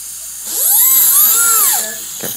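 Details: High-pitched whining drill rising and falling in speed, with a hiss; surgical bone drill placing a bone screw during robot-guided full-arch dental implant surgery on a fully sedated patient.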